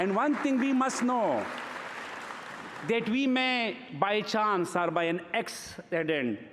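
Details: Adult man who has stuttered since early childhood and calls it a speech disorder; he says he later overcame it enough to become a prize-winning debater; stuttering.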